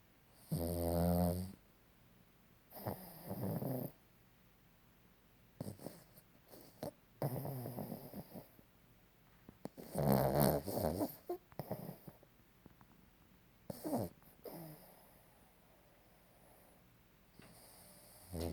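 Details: Sleeping dog snoring: several loud, rough snoring breaths with quiet gaps between them; ordinary snoring.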